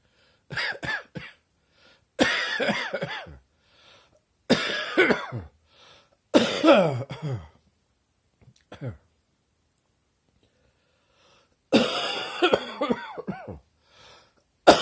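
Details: Deep, rattling morning cough in repeated bouts with a wet, chesty quality, a productive cough in someone who woke up feeling chesty.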